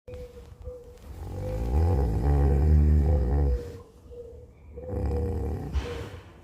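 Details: Resting cow snoring: two deep, long, rumbling snores with a vibrating quality.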